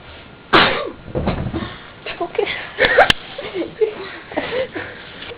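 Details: One sudden, forceful sneeze from a person at night, followed by scuffling, a couple of sharp knocks and brief vocal sounds in a small room, as if they fell over.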